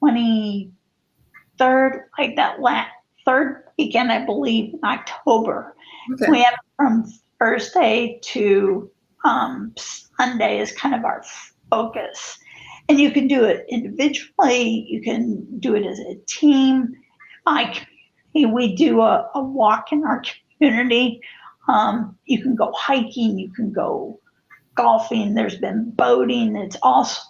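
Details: Spasmodic dysphonia, with co-occurring cervical dystonia affecting head and neck position; the disorder changed the course of her life in 2017; adult woman.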